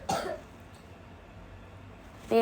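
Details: Sister coughing during a casual game video: two short, harsh bursts at the start and end, a brief cough or throat clearing, with quiet room noise between.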